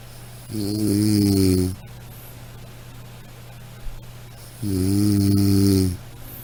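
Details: Two steady, buzzing, low-pitched snores roughly four seconds apart over a constant background hum; regular snoring.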